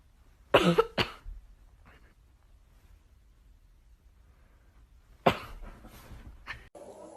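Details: A dog sneezing: two quick snorting bursts through the nose, then a single burst after a quiet pause.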